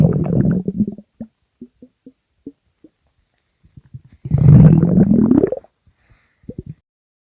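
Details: Stomach growling: loud gurgling growls with a rising pitch, separated by short bubbling pops; ordinary borborygmi.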